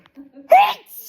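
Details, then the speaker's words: Adult sneezing repeatedly for about a minute, unsure of the cause after eating a milk bread roll with ham, mustard and butter, a mandarin and a kiwi; a single short, sharp voiced burst after a quick intake of breath. "I've been sneezing for about a minute."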